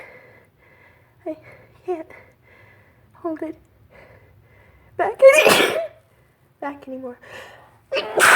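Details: Brief speech, then two sharp, forceful sneezes in March on a windy day; the person suspects pollen caught in their long hair is the cause and worries about getting sick.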